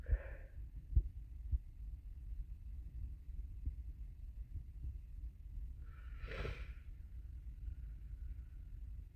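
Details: Stifled sneeze while sick, after trying to hold it back: a short voiced catch, then one stifled sneeze burst over steady low rumbling room noise.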